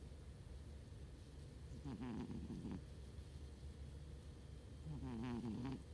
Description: Cat snoring